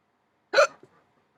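A single abrupt, sharp hiccup sound with a brief catch right after it; a hiccup.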